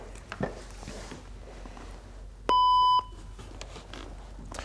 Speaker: And then that alarm sound you just heard means that the Lifepack has some kind of error. In this case, it's our SpO2 check sensor.